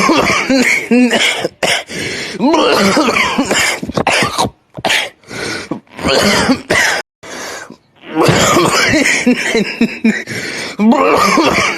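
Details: Loud, repeated coughing in long rapid runs with brief pauses, harsh and throaty, some coughs with a voiced, groaning quality: cough.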